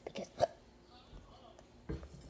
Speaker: hi I have to hiccup as always you want immediately